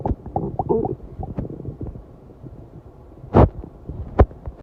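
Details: Stomach growling after a 7-hour fast: low gurgling and bubbling rumbles with several louder, deeper gulps toward the end; hunger-related borborygmi.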